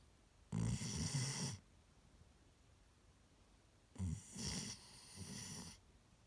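Loud, rattling snores on two breaths, the second broken into short bursts; sleep snoring.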